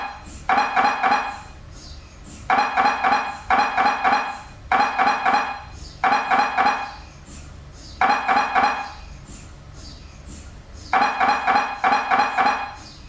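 Loud rhythmic mechanical knocking in repeated bursts with short pauses between them, typical of an MRI scanner running imaging sequences.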